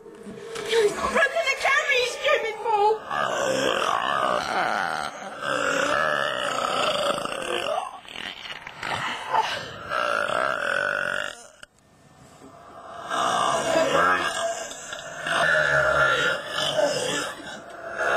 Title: Burping Contest